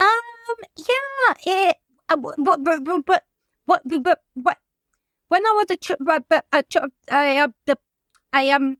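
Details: Adult woman whose childhood stammer recurred after her mother's suicide and six months alone in lockdown; she reports blocks and is in speech and language therapy; stuttering.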